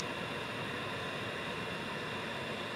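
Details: 3B Luna II auto-set CPAP machine with humidifier, ramp feature on, for a sleep apnea user: steady even hiss of blown air with a faint motor hum, continuous airflow.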